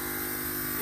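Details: Home albuterol nebulizer compressor running with steady even mechanical hum and buzz, child breathing through bunny-shaped mask; treatment lasts about 10 minutes.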